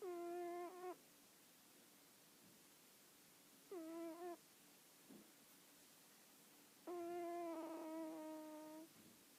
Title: My cat casually snoring...